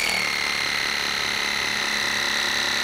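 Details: Waterpik irrigation device running in an adult man's left ear on the second visit, after overnight carbamide peroxide softener, steady high buzzing whine while flushing tough ear wax; patient reports it is not painful.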